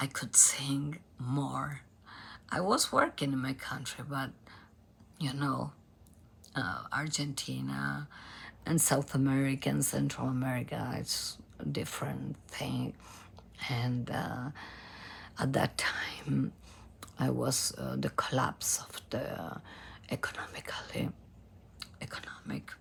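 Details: Adult female professional singer from Argentina with abductor spasmodic dysphonia, in which spasms open the vocal cords. Onset was in 2015, and it is treated with Botox injections.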